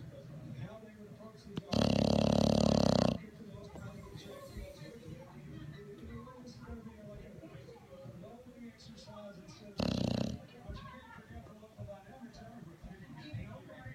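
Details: English Bulldog snoring loudly while asleep, hard to wake: two loud, rattling snores, one long and one shorter, over background television talk.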